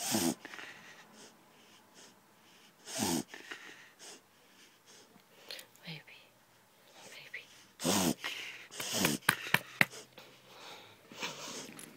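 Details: Dog reverse sneezing, which the owner attributes to eating sticks and pulling on the lead: loud, harsh inward snorting gasps in bursts during a reverse sneezing episode.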